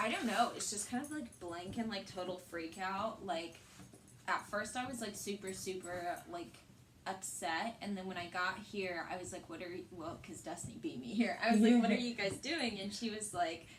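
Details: Young adult woman; typical speech.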